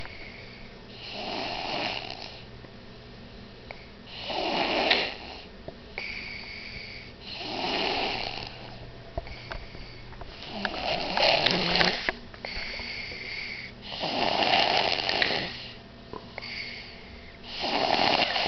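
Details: A young child, asleep on a bean bag, snores loudly and rhythmically, one rasping snore with each breath, about 18 a minute.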